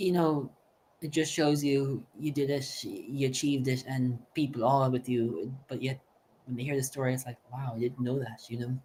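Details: Adult male speaker; typical speech.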